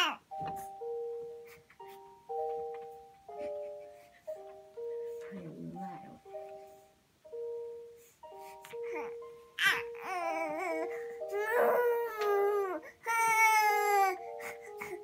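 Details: Infant in a swing bed for the first time; fussing and babbling build into short bouts of crying over soft lullaby music.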